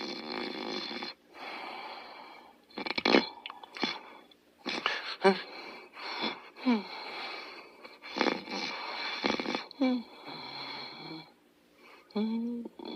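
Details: Wheezing snore during sleep: irregular snoring breaths with high whistling, wheezy tones and snorts.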